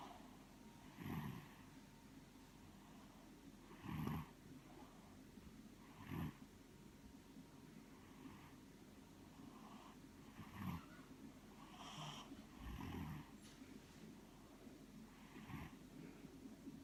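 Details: Sleep snoring: soft, regular snorts with each breath, about one every two to three seconds, in a quiet room.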